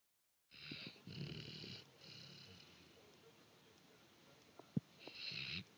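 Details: Wally the dog snoring while asleep, much louder than before: rough, raspy breathing noises with whistling edges in repeated bursts; loud snoring.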